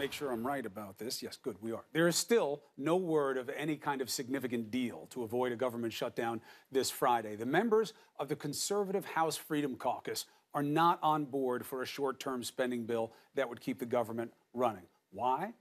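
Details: Adult man speaking; Normal speech.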